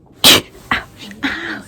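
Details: Single loud, sharp sneeze with a quick intake before it, then a brief exclamation, from a woman in hospital after giving birth at 37 weeks; she then reports rib-to-hip pain.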